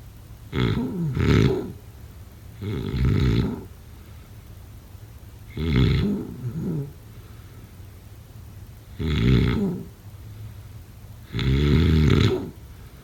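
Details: Harsh, gravelly snores, some broken into double snorts, at an uneven pace of about 23 a minute with hissing breath between; snoring during sleep.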